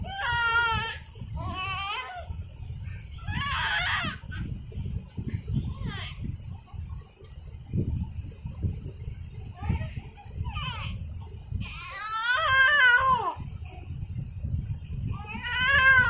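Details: Baby crying while trying to catch a balloon: intermittent whiny crying bursts over steady room rumble; ordinary frustrated fussing, infant crying.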